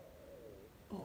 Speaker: you hear my stomach growling i need to do lunch anyways